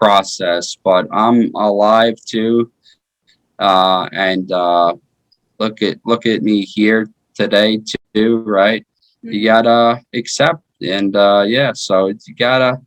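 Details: 33-year-old man with aphasia after a stroke in 2019 following his second heart surgery; aphasia.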